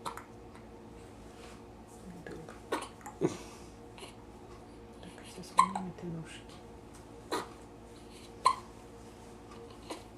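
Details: Hiccups in a young boy, heard just after he has eaten.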